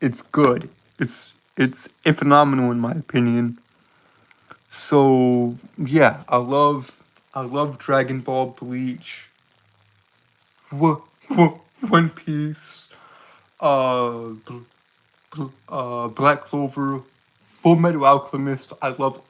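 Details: Stuttering in a male streamer who reports a speech impediment that makes him stutter and trip over his words.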